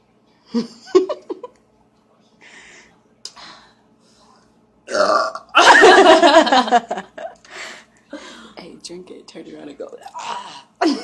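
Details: Deliberate burping during a burp challenge after gulping soda: a long, loud, rumbling belch after short bursts of voice and mouth noise, followed by more gurgling burps: burping.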